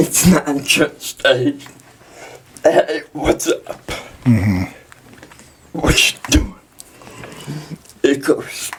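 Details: Dysarthria in a 23-year-old man with cerebral palsy, speaking in an interview.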